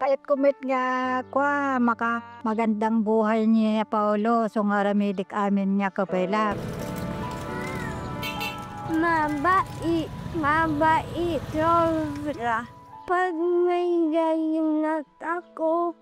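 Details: 11-year-old boy with cerebral palsy who cannot walk and has difficulty speaking; dysarthria (cerebral palsy).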